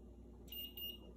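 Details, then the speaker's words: Omnipod Dash insulin pod being filled with insulin by syringe; two soft, high electronic beeps over low room hum confirming enough insulin is loaded and the pod is ready. "Did you hear those beeps? Okay. That means it's good to go."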